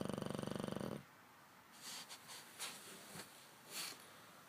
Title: English bulldog snoring